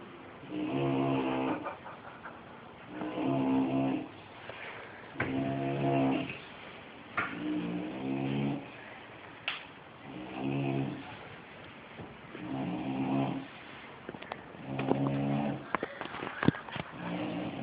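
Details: Sleeping bulldog snoring: slow, regular rumbling snores, about one every two to three seconds, each with a buzzing, fluttering tone from the short airway.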